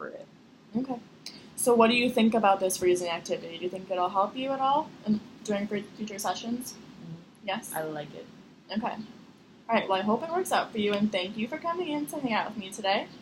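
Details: Adult woman speaking, with a brief reply from a second speaker; normal speech.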